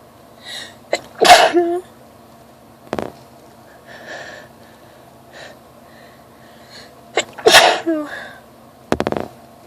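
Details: Sneezing fit from allergies with itchy, watery eyes: run of sharp, explosive sneezes with quieter breaths and sniffs between them.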